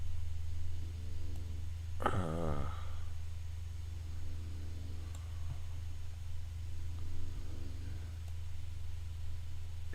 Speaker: If you guys hear the snoring, mom's snoring. It is what it is.